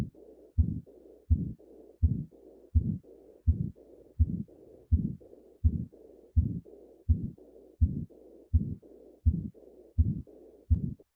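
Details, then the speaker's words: Teaching recording of combined systolic and diastolic murmur, said to indicate damage to both atrioventricular and semilunar valves: regular heartbeat near 83 a minute with a hissing murmur filling both systole and diastole. "Jadi kalau ada murmur sistolik dan murmur diastolik, berarti ada kerusakan selain di arterioventricular valve, berarti di semi lunas valve juga terjadi kerusakan. Nah, itu akan terdengar murmur di diastolik maupun di murmur sistolik."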